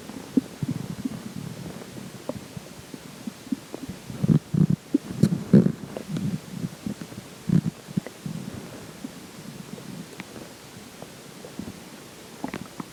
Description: There are some weird sounds in this particular water stomach growls.